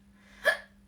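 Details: Woman in her 30s, a streamer, hiccupping while talking: one abrupt, high, squeaky hiccup, a brief involuntary catch of breath, with a steady low hum behind it.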